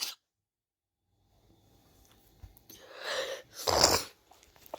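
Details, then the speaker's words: A quiet lead-in, then two breathy bursts, the second a sharp, forceful sneeze, in a small quiet room. The sneezer is sick, sniffing repeatedly, and says they are very allergic to their cat. "I am so sorry for that. My bad. is that I'm very allergic to my cat. So, I'm getting bad rei."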